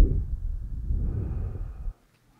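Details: Standardized patient in an OSCE chest pain/shortness of breath exam, deep breaths through the mouth: soft, low rushing airflow of one deep breath on chest auscultation, recorded with Eko electronic stethoscope and edited for clarity; normal breath sounds.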